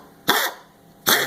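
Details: Female long-haired albino chihuahua, first thought to have kennel cough, later diagnosed by a vet with congestive heart failure and now on medication: two harsh, dry, honking coughs; cardiac cough.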